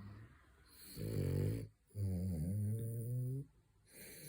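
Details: French bulldog snoring during his third midday nap: two loud, rumbling breaths with a low buzzing tone and a silent pause between them.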